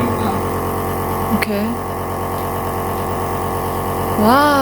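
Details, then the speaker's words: Nebulizer compressor running for a young child with a month-long cough unresponsive to other medicines: steady mechanical hum with brief child vocal sounds, child urged to breathe deeply. "耶！Schon fängt sie an zu dampfen.Aha.Und los geht's. Ordentlich atmen. Schön tief atmen."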